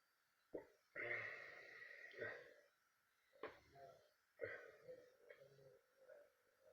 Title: Burping off my coffee